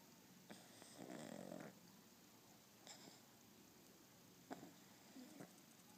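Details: Dog snoring while being petted as it tries to sleep: one rough, low snore, then soft snuffly breaths.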